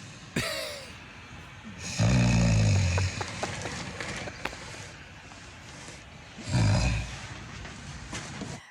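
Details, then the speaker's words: A man's snoring submitted as video evidence, described as loud like cutting wood; snoring. "Well, Exhibit B definitely says you snore. Yep. Breathe right strips may work."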